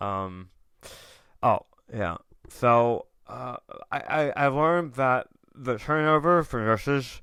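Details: Adult male tongue cancer survivor, diagnosed October 2021, over 1.5 years in remission; ~80% of tongue removed, reconstructed with left-leg muscle; proton therapy and chemotherapy; reduced tongue and jaw movement; articulation impairment after partial glossectomy.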